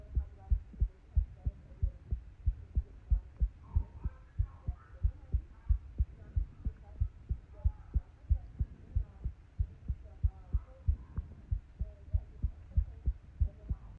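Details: Steady low thumping heartbeat, about 92 beats a minute, caught by a nearby microphone while crocheting: a normal heartbeat.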